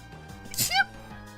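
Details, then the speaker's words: Adult streamer's single sharp sneeze, a hissing burst ending in a brief voiced cry, over quiet game music; she says she is very sneezy today. "Oh my god. Hog and nuts. I'm so sneezy today. I'm so sorry."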